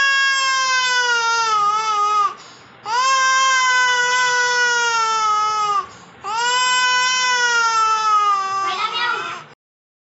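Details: Infant crying sound-effect recording: three long, high-pitched wails separated by brief breaths.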